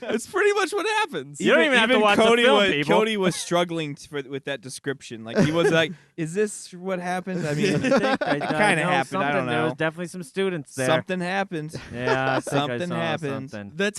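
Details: Adult male speakers in casual conversation; normal conversational speech.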